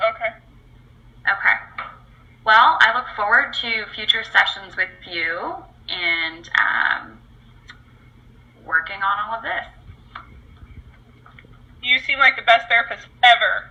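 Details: Adult speaker in role-played clinical session; normal adult speech.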